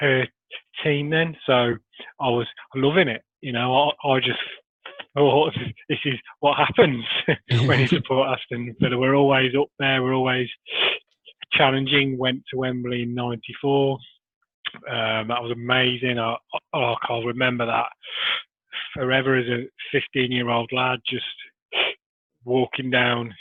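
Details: Adult man who has stammered since early childhood, beginning after copying his sister's stammer and never growing out of it, with blocks and repetitions; stuttering.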